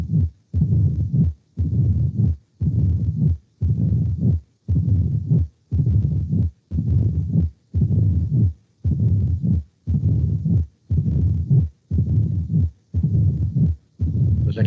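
Low-pitched rumbling murmur recurring regularly at about 58 beats a minute, with brief quiet gaps between rumbles: mitral stenosis diastolic rumble.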